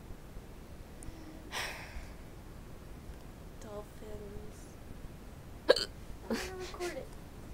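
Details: Person with hiccups during a late-night sleepover, around midnight: brief abrupt catches of breath between bits of quiet talk and laughter in a noisy room; hiccups.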